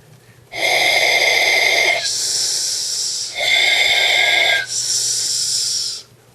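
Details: Speech therapy stimulability technique: a straw held by the tongue just behind the front teeth, then pulled out, elicits an accurate /s/; finding: correct /s/ production (straw elicitation technique).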